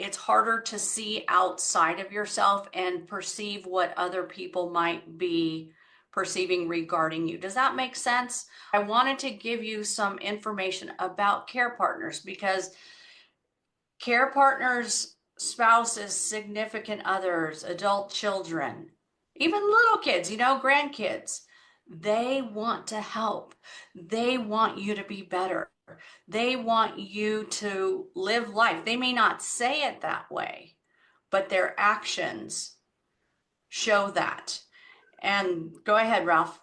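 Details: Adult woman speaking; ordinary speech.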